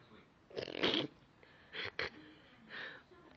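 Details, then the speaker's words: Hiccups in a woman who says they hurt: short, sharp catching gasps in quick succession, with faint voice between them. "what are you doing videotaping you hiccuping yes it's the cutest thing in the world"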